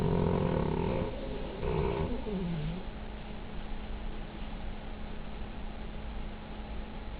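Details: Cavalier King Charles Spaniel sleeping with head on a printer, snoring: loud rumbling, fluttery breathing noise fading into a steady low hum.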